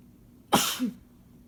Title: Boyfriend's sneezes (m)